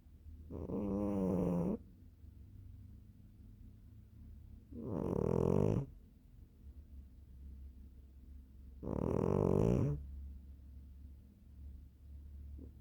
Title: 😴😺 猫がいびきをかく cat snoring 고양이가 코를 골다😍